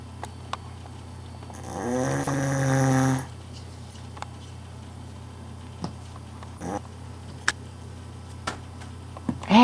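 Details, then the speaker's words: Man snoring during sleep, recorded by a companion: one loud, rough snore of about a second and a half over steady room hum, followed by quiet breathing. "hot just thought I'd let you see how you snore it's"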